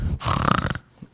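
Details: In a pediatric asthma lecture, an adult imitates the rough, snorting, nasal noisy breathing that parents often mistake for wheeze; it is not a wheeze.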